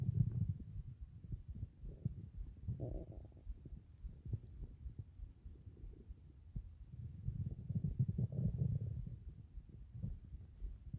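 Low, irregular gurgling and rumbling that swells and fades over several seconds; ordinary stomach growling.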